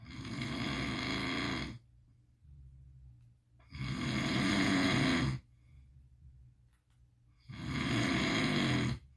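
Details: Sleeping pit bull dreaming: loud rattling snores with quiet gaps, about 17 a minute; ordinary harmless dog snoring.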